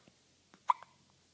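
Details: Five-day-old baby boy: a sharp little hiccup with a couple of faint softer catches around it in a quiet room; newborn hiccups.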